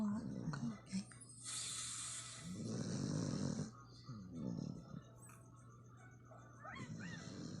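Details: Asong Pinoy (Philippine dog), female, snoring loudly while asleep in rough, rattling bursts over a steady low hum.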